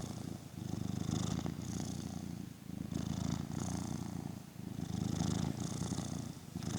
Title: No background noise, only the cat purring/snoring #happycat #cat #busylife #chilling #aww